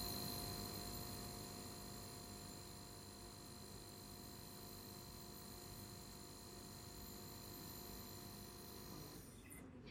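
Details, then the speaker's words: Nebulizer compressor running during a student nurse's demonstration of nebulizer treatment: steady buzzing hum throughout, then switched off near the end. "When you turn on your machine, you're going to deeply inhale and exhale all the way until the treatment is over."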